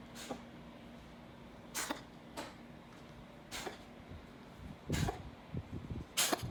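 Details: Cat sneezing fit, owner unsure if it is something else: five or six sharp, explosive sneezes in quick succession over about six seconds with small snorts between; sneezing.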